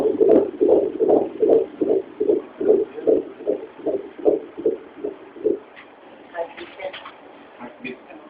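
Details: Fetal heartbeat on ultrasound Doppler at 4 months of pregnancy: rapid, regular whooshing pulses at about 150 a minute, with faint talk near the end.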